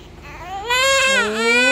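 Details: Newborn baby boy, 3.4 kg, normal vaginal birth, cord around him, vernix present: a strong, rising newborn cry just after birth; newborn cry.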